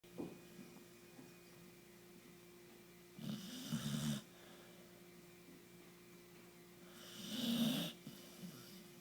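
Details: Snoring from a sleeping animal: two rough, rattling snores, each about a second long, over a steady background hum.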